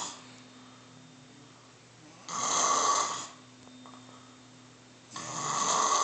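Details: Two loud, rough, raspy snores about three seconds apart, with a faint steady hum of room noise between them: snoring.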